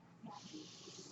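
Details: Real podcast recording in which the speaker explains that the noise heard is his own mechanical ventilator; quiet room tone gives way to a steady airy hiss as the ventilator delivers a breath during a pause in speech; mechanical ventilator noise.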